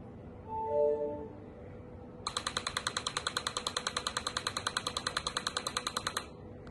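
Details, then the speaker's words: Transcranial magnetic stimulation, day 4 of treatment for depression and anxiety, given one side of the head at a time: a rapid, even train of sharp clicking taps lasting about four seconds from the TMS coil. "the slower tapping on the right side. They don't do both sides simultaneously. They do one side at a time."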